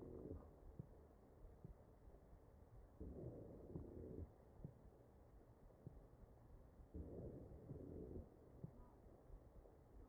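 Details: Real ventilated patient, chest auscultation: ventilator breaths about 15 a minute carry a musical, whistling wheeze, pointing to narrowed airways.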